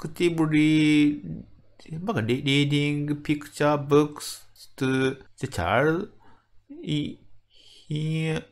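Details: Adult medical doctor from Japan with developmental (childhood-onset fluency disorder) stuttering, speaking English; word repetitions audible; stuttering.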